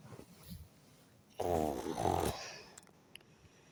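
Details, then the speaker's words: Adult woman snoring while asleep in a hotel room, recorded on a phone; she denies snoring. One loud, rough snore on inhalation, about a second long, with a softer breath before it. "Now I'm using this phone voice recording so that you guys will hear how she snore like a pig. My wife dey snore like a pig."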